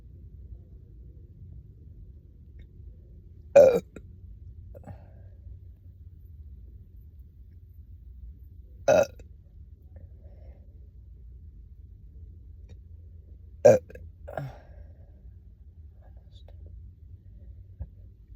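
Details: Three loud, throaty burps spaced several seconds apart over quiet background, after chugging a soda on an empty stomach following a day without eating, with occasional stomach gurgles: belching of swallowed gas.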